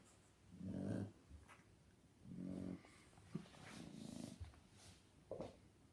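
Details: Shar pei sleeping: low, rumbling, throaty snores, four in six seconds, at a fairly steady pace in a quiet room; snoring.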